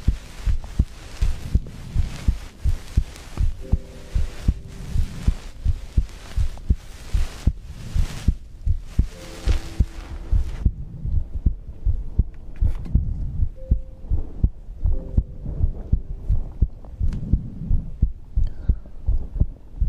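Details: Own heartbeat recorded for ASMR heartbeat-and-breathing sleep content: steady thudding heartbeat about 80 a minute, with faint tones and room noise in the background.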